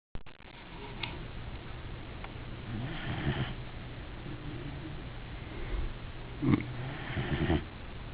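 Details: Sleeping Weimaraner dog gives low, rattling snores on its breaths, the loudest two near the end, over faint room noise; snoring.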